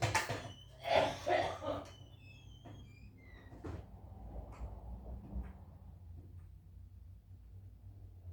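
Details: Cough after smoking in a garage.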